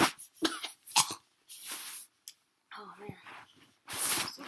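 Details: Several short, dry cough bursts with brief pauses from a child touring their very dusty room during renovation; a simple irritant cough from dust.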